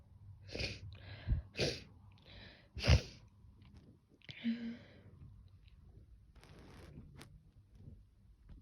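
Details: Sneezing: a quick run of three or four sharp sneezes, then sniffles and quiet snuffling.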